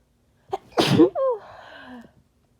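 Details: Person with a cold: a short intake of breath, then one forceful, harsh sneeze followed by a trailing voiced exhale; sneezing with a cold.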